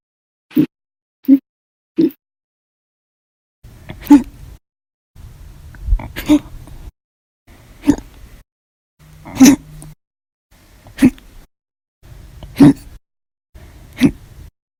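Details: About ten sharp, abrupt hiccups every one to two seconds with faint hiss between, audio only.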